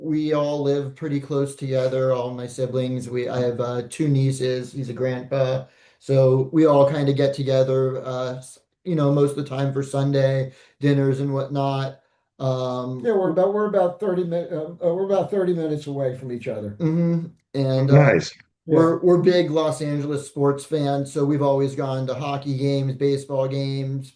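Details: Adult male speaker; normal speech.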